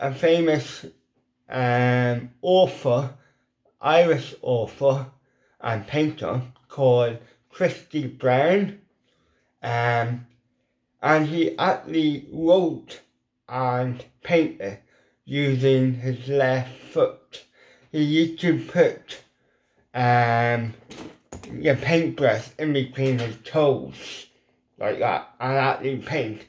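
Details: Adult man with ataxic cerebral palsy; weak lip muscles cannot form the shapes for certain letters; lifelong speech impediment; dysarthria (cerebral palsy).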